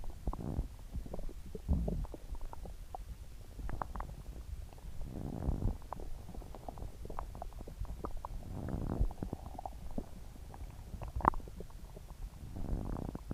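Low gurgling and rumbling with scattered pops and squeaks throughout; loud stomach growling from an upset stomach.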